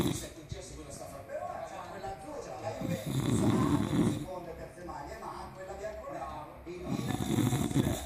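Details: Loud, rough, low rattling snores in repeated bursts, with faint background talk and music; snoring.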